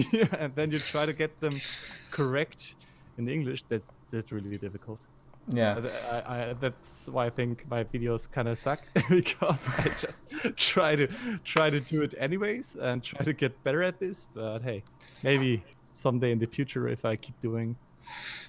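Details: Adult male speaker; normal speech.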